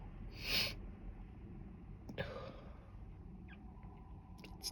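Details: A single brief, sharp sneeze in a quiet room, then faint rustling, from a woman with a lingering cold who is trying an unnamed sneeze-inducing substance to provoke sneezing.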